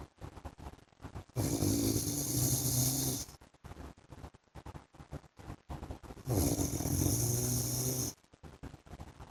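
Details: Two long, loud rattling inhaled snores with harsh hiss from a sleeping adult man (husband), separated by quieter breathing and clicking: heavy snoring during sleep.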